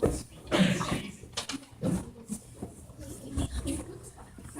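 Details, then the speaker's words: A loud imitated "achoo" sneeze from a grade 5 child opening a speech about sneezing, then a brief pause with faint room noise. "When I was young, I remember my parents telling me to always cover my mouth when I sneeze."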